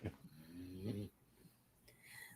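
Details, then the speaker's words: Flat-faced pet dog asleep on owner's lap, snoring audibly over a conversation. ">> Well, my dog is sleeping through it. He's like he's on my lap. I don't know if you guys can hear me snoring. >> I can hear him. >> Can you hear him snoring?"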